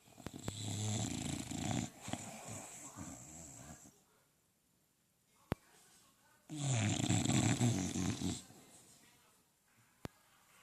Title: You said your man snores badly? English Bulldog, Enzo.